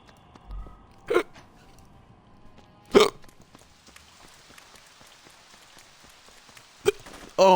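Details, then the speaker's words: Person gets hiccups while livestreaming a video game, after mentioning eating chicken tenders: about four sudden, short hiccups over several seconds above quiet game sounds. "Oh no, here comes the hiccups. Ah crap, I have the hiccups now. Crap, I have the hiccups."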